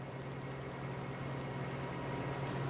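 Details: PicoSure picosecond laser tattoo removal on a woman who says it was painless: rapid regular clicking pulses, about ten a second, over a steady low machine hum as the laser fires.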